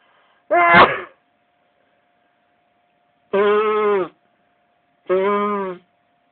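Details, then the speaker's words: Person feeling sneezy in the morning: one sharp explosive sneeze, then two loud honking nose blows in a quiet room. "today is in the morning, um, and I feel sneezy today. So sneezy. Excuse me, I had to blow my nose."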